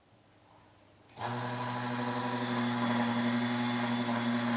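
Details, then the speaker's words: Dental implant drilling for a Medentika microcone implant (4.5 mm diameter), third quadrant region 36: a steady humming, whining motor during initial drilling with the 2.0 mm white-ring pilot drill, at a maximum of 800 rpm. "we are using a standard drill 3.0 millimeters green ring for the first depth drilling the standard drill 3.5 millimeters black ring is used for the next depth drilling"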